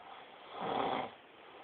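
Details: Person snoring: a single rough, rattling breath swelling and fading over about half a second; snoring.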